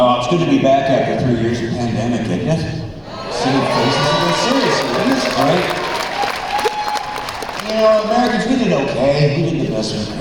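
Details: Man, a former Christian rock record producer, with incurable spasmodic dysphonia that began at the height of his career and progressively worsened until his voice was gone; vocal coaches and doctors did not help; disorder audible in his current voice: spasmodic dysphonia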